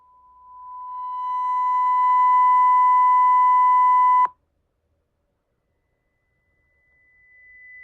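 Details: Online hyperacusis hearing test through calibrated headphones, testing each ear for the lowest discomfort level: a steady pure tone grows louder, cuts off, then a higher tone rises after silence; loudness discomfort level test tones.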